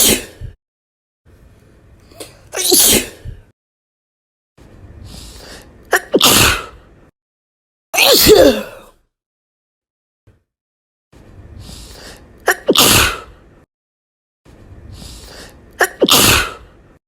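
Five forceful, wet-sounding sneezes, each preceded by a drawn-in breath, spaced a few seconds apart.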